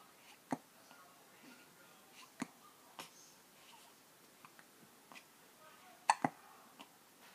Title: hiccups!